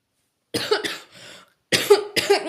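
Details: Four sharp coughs in two quick pairs with a short breath between, in a quiet room, from a person who keeps coughing while talking and wishes the cough would go away; cough.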